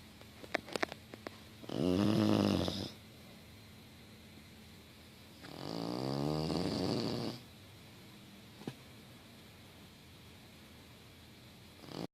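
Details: English Bulldog crashed out asleep on a couch with tongue sticking out, giving two loud, rattling, long vibrating snores a few seconds apart; snoring.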